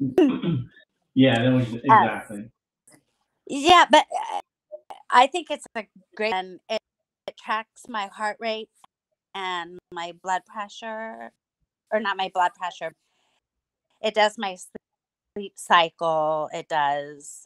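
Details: Adult woman with mild residual aphasia after two hemorrhagic strokes caused by a carotid artery tear; lost speech and relearned talking with a speech pathologist using singing; about nine years post-stroke.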